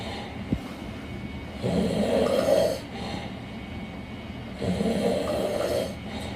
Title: Loud Snore 4